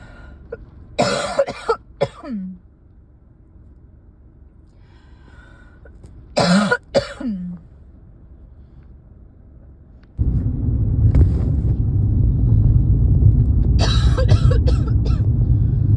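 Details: Two clusters of short dry coughs with throat clearing, then a steady background rumble: a mild cough blamed on the change of season, not illness.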